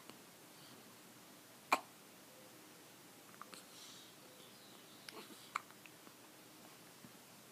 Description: got the hiccups